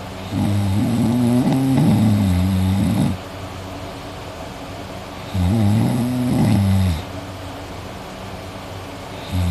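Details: Loud, deep, rattling snores on each breath in, with quiet breathing out between, self-recorded from a person sleeping at night who was drooling; heavy snoring.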